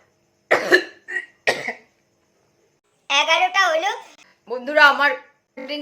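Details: During a Coca-Cola burping challenge, two short, harsh cough-like bursts, followed by voiced, speech-like sounds in a small room; cough.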